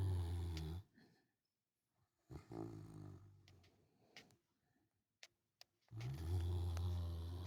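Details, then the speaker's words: Pally, a sleeping dog, snoring away with deep, rumbling, growl-like snores and quiet pauses between breaths. "Jeepers creepers. Pally snoring away."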